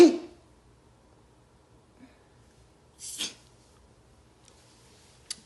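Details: Adult male sneezing during a 7 a.m. live stream, not yet having slept: a single sharp explosive burst of air, then a quiet room with a brief breathy hiss.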